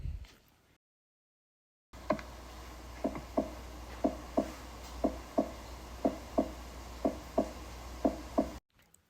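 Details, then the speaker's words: Regular paired lub-dub heart sounds, about 60 beats a minute, from the valves closing, audible at all auscultation foci; normal first and second heart sounds. "es el sonido natural del corazón y es originado por el cierre y apertura de las válvulas y es audible en todos los focos."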